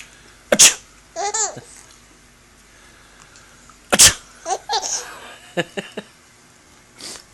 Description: My 4month old daughter keeps laughing when grandpa sneezes